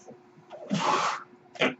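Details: A soft airy whoosh swells and fades, then a brief second puff of air between spoken phrases: a mechanical ventilator breath cycle from the male podcast host's own ventilator, recorded in real life.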